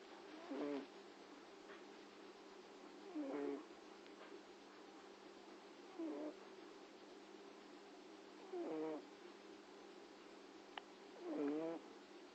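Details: Cat named Max asleep in a quiet room giving soft, brief nasal snores, five in about twelve seconds, roughly 22 a minute; snoring.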